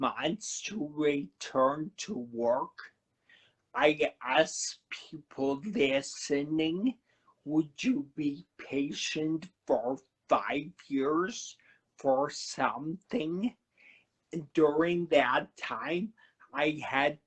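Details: Adult man who had a cerebellar stroke at 35 in September 2013, could not talk at first, has a paralyzed vocal cord (permanent laryngitis-like) and aphasia; finding: dysarthria with dysphonia after stroke.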